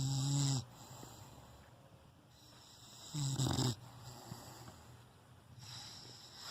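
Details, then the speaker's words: Sleeping female dog, mouth open, snoring heavily, as loud as a tractor according to the owner: low rumbling snores on in-breaths a few seconds apart over steady room noise; snoring. "é uma topeira e parece um trator misericórdia jesus"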